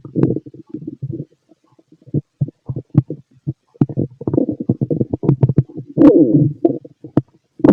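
Irregular gurgling and rumbling bursts with short pauses, typical active bowel sounds of ordinary stomach growling.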